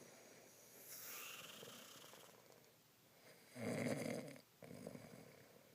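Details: Adult man (husband) snoring: quiet breathing, then a loud, harsh, rattling snore on the in-breath, followed by a softer breath out.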